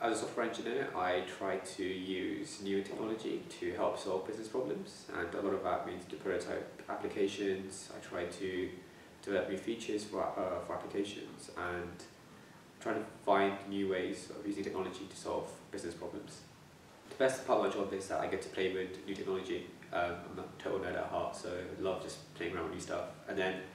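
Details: Stammering (stuttering) in a young adult man who has stammered since he was young and used to avoid talking.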